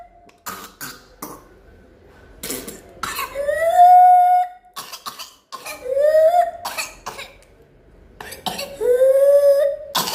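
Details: Pertussis (whooping cough) in a child: bursts of rapid, uncontrollable coughs, each followed by a long, high-pitched crowing whoop on inhalation.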